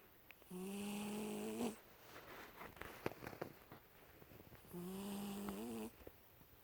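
Two long, steady whistling snores with soft breathing and small noises between; ordinary snoring from a sleeping cat.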